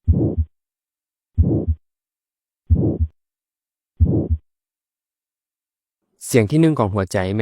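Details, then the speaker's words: Four slow heartbeats, each with a harsh ejection systolic murmur filling the gap between the first and second heart sounds, best heard at the right second intercostal space beside the sternum; aortic stenosis murmur. "ດັ່ງນີ້ສຽງທີໜຶ່ງຂອງຫົວໃຈແມ່ນເກີດຈາກແຕກຄາປິກແລະໄມໂທວມີການປິດໂຕຫຼັງຈາກນັ້ນຫົວໃຈຈະມີການຫົດຫັດເລືອດຈະໄຫຼຜ່ານເອອອກຕິກວາວທີ່ເປີດບໍ່ກວ້າງຈຶ່ງເຮັດໃຫ້ມີການໄຫຼຂອງເລືອດຜິດປົກກະຕິເກີດຂຶ້ນຈຶ່ງກາຍເປັນສຽງມື"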